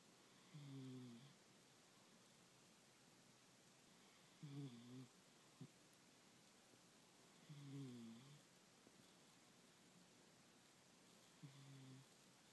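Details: A sleeping cat snoring: soft, rhythmic snores, about 16 a minute, over a hissing room background.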